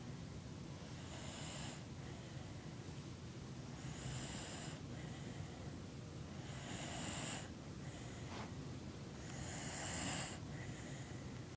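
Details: Sleeping dog: repeated hissing, snuffling breaths with a rough sleeping rhythm over low steady background noise; dog snoring.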